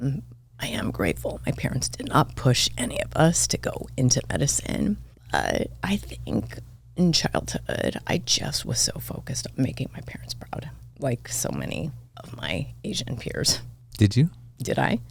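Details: Adult woman diagnosed this year with spasmodic dysphonia; she attributes it partly to voice overuse and partly to stress, and says it is occurring during this recording; finding: spasmodic dysphonia.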